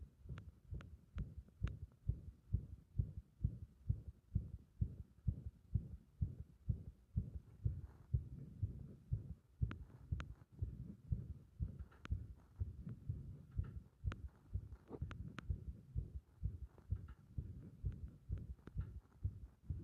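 Fast, muffled heartbeat with uneven spacing between beats; an irregular rhythm.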